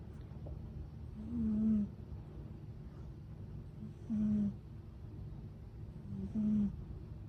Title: Can a cat snore like humans? #trending #cat #catcare #animals #anime #catlove #trending #viralvideo